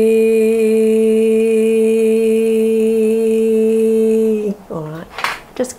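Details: Woman with reflux and treated obstructive sleep apnea, referred for suspected vocal cord dysfunction; repeated 'ee' during transnasal laryngoscopy shows mild muscle tension with false vocal fold constriction; mild dysphonia (muscle tension dysphonia) on sustained vowel.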